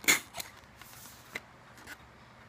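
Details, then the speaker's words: Metered-dose inhaler fired into a pet aerosol chamber with a face mask to treat a cat's asthma. A sharp puff, then a few faint clicks as the chamber's flapper valve moves over four breaths. "so shake it up like a good inhaler and here we go so"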